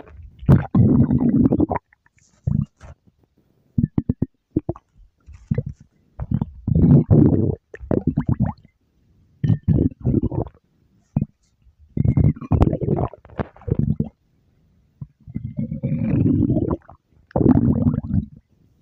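Repeated low gurgling rumbles in bursts with quiet gaps, typical stomach growling.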